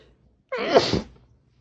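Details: One loud sneeze, voiced at the start and dulled by a towel pressed to the face, in a quiet room.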